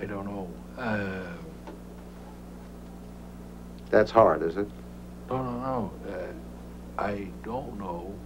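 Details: Real case of Broca's aphasia after a stroke in a man, presented by a neurologist; he shows impaired comprehension of grammatical words and word endings, linked to damage to Broca's area; Broca's aphasia.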